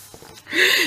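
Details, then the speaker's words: Snoring from a sleeping animal, likely a dog: after a quiet start, one loud, noisy, faintly whistling snore. "Je ne sais pas si vous l'entendez, mais il ronfle."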